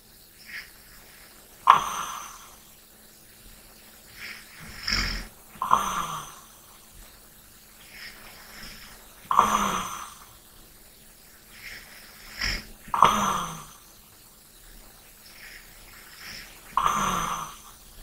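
Uneven snorts and raspy snores mixed with softer breaths, about five strong ones in the stretch; light snoring during sleep.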